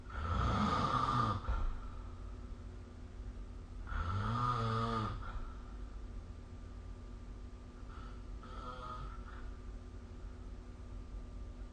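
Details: Snoring recorded with SnoreLab app: three loud, rattling inspiratory snores about four seconds apart during sleep.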